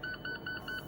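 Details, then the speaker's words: Patient-controlled analgesia (PCA) pump powering off: after the latch is depressed and the cover shut it enters parking mode, then the button is pressed and held about 3 seconds, giving four short, evenly spaced electronic shutdown beeps. "And then you just press and hold it, and sort of quickly for 3 seconds, it'll say goodbye to you,"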